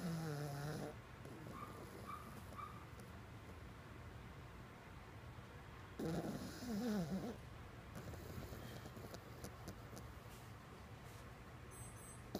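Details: Sleeping jug puppy snoring: two brief whistling, squeaky snorts several seconds apart over low room hum.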